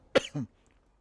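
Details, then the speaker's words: Adult streamer's sharp single cough burst then short voiced throat-clearing, after dust bits went down the throat; airway-irritation cough. "Oh, something went down my throat again. Dust bits."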